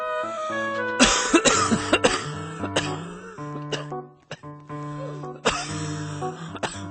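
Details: Repeated harsh coughs and throat clearing in bursts over loud background music; persistent coughing attributed by the person to a real viral illness, unable to stop coughing.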